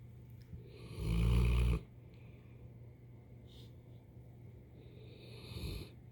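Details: One loud, low rumbling snore, then soft breathing and a fainter second snore from a sleeping female dog; ordinary sleep snoring.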